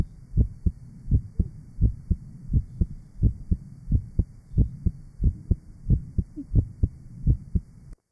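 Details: Real 1955 Johns Hopkins heart sound laboratory recording of rheumatic mitral valve disease, recorded at the aortic, pulmonic, lower left sternal border and apex areas: regular paired heart sounds near 85 per minute with low rumbling between beats.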